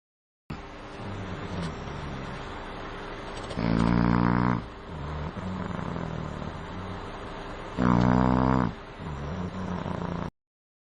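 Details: An adult man asleep gives loud, deep, rattling inspiratory snores, two in about 10 seconds, with softer breathing noise between: heavy snoring.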